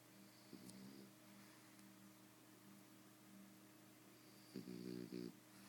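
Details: Soft, steady snoring hum from a sleeping pet in a quiet room, with brief rattling snorts near the start and end.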